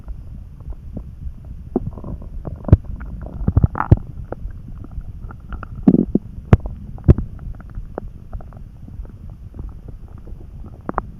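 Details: Lying on bed, tired and dozing, hungry despite eating at lunch: low gurgles, pops and soft churning from the belly; stomach rumbling (borborygmi).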